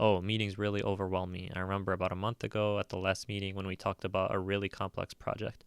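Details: Acted example read by a narrator illustrating a speech pattern seen in schizophrenia, an answer that never gets to the point; tangentiality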